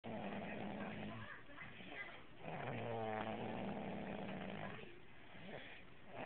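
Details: Chunka snoring while sleeping on the couch; snoring.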